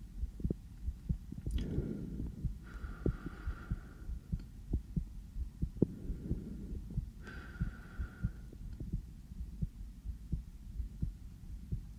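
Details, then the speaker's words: Normal heart sounds via a sensitive stethoscope on the speaker's own chest, just back from outside so slightly fast: steady regular beat about 92/min, soft low thumps, two brief stethoscope scraping noises. "제가 방금 밖에 나갔다 와가지고 심장이 조금 빨리 뛸 수도 있어요. 저도 제 심장 소리를 이렇게 크게 듣는 건 처음이네요."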